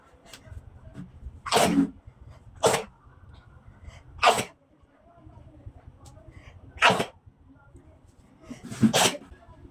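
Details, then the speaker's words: Person with cold and dust allergy, sneezing all day, recurring every 2-3 days after dust, cold or water exposure: five sharp, explosive sneezes in under ten seconds. "বন্ধুরা দেখতেই পেলে কি হাঁচলাম না আমি। এইরকম 2-3 দিন অন্তর আমার কোল্ড অ্যালার্জি আছে আর ডাস্ট অ্যালার্জি আছে।"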